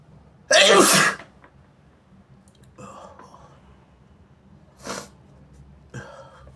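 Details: Person with a bad sinusitis attack since Sunday, sore itchy nose, sneezing induced with tissue paper: one loud explosive sneeze, then a second weaker sneeze, with faint breaths and sniffs between.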